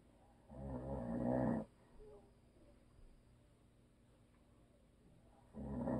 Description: My hubby snores and always will.